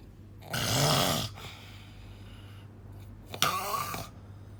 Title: Snoring loud